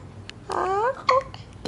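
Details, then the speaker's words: Awake, recently fed baby girl with dark blue eyes, not crying, having uncomfortable hiccups: two brief abrupt voiced catches, each a short squeaky hic, over quiet room noise. Infant hiccups. "que está despierta con hipo pero sin llorar Ay no linda linda a ver ojo puro tiene un hipo muy incómodo pero muy gracioso"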